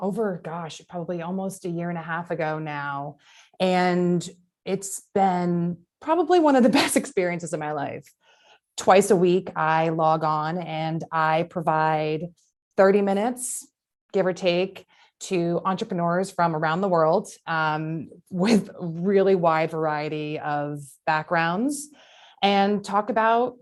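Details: Adult woman speaking; ordinary speech.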